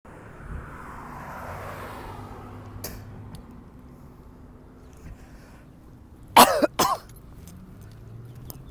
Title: 6/5/19 Usually after thick frequencies is when it’s time to cough up the flem